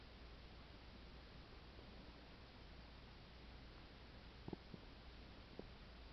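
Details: Stomach gurgling attributed to a stomach ulcer: a steady low hum, then a few brief, soft gurgling pops from the abdomen near the end.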